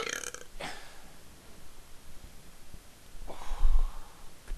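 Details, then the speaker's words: Man attempting a burps-in-a-minute record on an empty stomach: two deep, rumbling, low-pitched voluntary belches a few seconds apart over room noise; burping. "This is, and I'm setting the record for burps in a minute. And just an FYI, it's on an empty stomach."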